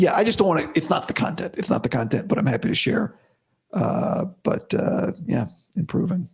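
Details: Adult man about five to five and a half weeks after vocal fold surgery, improving daily but unchanged today after heavy voice use and no sleep: dysphonia after vocal fold surgery.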